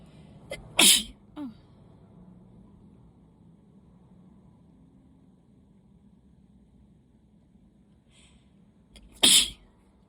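Two sharp, explosive sneezes about eight seconds apart over faint background hum; repeated sneezing from allergies.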